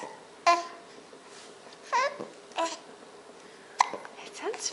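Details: Young child hiccuping, several short sudden voiced catches about a second apart with soft babble between: hiccups.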